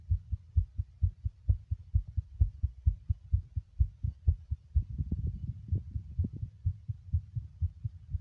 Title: Male Heartbeat Whilst Smoking 6 🚬